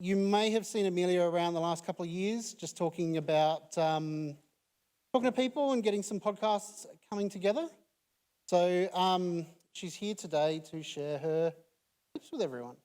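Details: Adult speaker; Normal speech.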